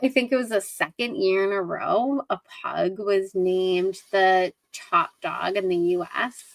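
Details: Adult woman speaking; Normal speech.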